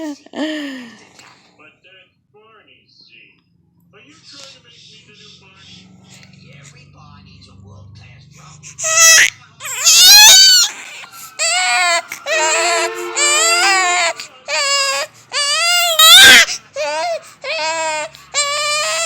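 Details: Baby, apparently about 6 months old, crying in a recording that also has yawning and sneezing: soft whimpers building into repeated high-pitched wailing cries with brief breath pauses; infant crying.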